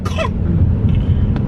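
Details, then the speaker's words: Single short dry cough without wet rattle from an infant with a long-lasting cough, recorded in a car on the way to a repeat check-up, over low background rumble. "Ganyan ang ubo niya, fast ba? Paano ba sabihin yun sa ano, Tagalog? The dry? Parang ano, dry cough."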